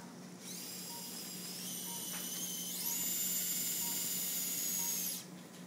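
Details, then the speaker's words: Hammertoe correction surgery on a man, Smart Toe implant: high-pitched drill whine about five seconds, rising in pitch midway, drilling down the middle of the proximal phalanx the full length of the threads. "Now we're going to drill the actual shaft here, the proximal phalanx, for the smart toe right down the middle."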